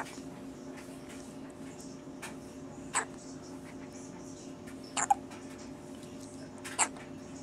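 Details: Baby with hiccups while trying to eat: three or four soft, abrupt hiccups spaced a couple of seconds apart over a steady background hum; infant hiccups.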